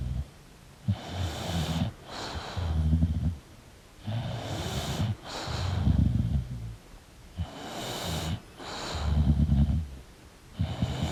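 Loud, rattling snores on each breath in, with snorting breaths out, about 15 breaths a minute; heavy snoring in a sleeping dog.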